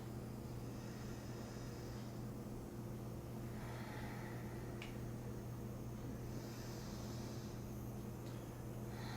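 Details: Handheld nebulizer loaded with about a quarter teaspoon of nanofulvic drops and switched on: a steady low mechanical hum with a soft hiss, with no clear breaths; nebulizer running.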